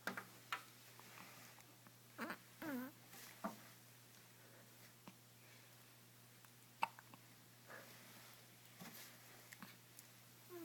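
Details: Hiccups: soft, brief catches of breath at irregular intervals in a quiet room with a steady background hum.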